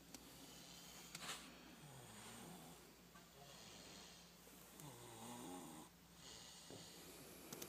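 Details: Person snoring very loudly: rough, rattling snores on the in-breaths over steady room hiss, about two breaths in eight seconds.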